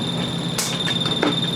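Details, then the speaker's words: Faulty magnetostrictive ultrasonic dental scaler emitting a steady high-pitched squeal with bursts of hiss; the power supply has bulging, failed electrolytic capacitors identified as the primary cause of the fault. "I think our power supply's screwed. First of all, bulging capacitors are bad in any case."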